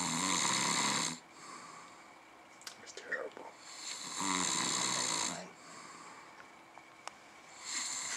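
Two long, loud, rasping snores about three seconds apart, separated by quieter breathing, with faint room noise.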